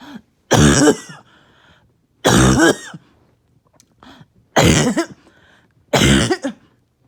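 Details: Bad, uncontrollable barking cough in a patient on medication with little chest pain this episode: four harsh, loud, brassy bark-like coughs a second or two apart.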